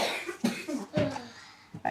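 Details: Young boy with past asthma and a tight chest, wheezy, never used inhalers, seen by a GP: short bursts of coughing in a small room, asthma flare-up.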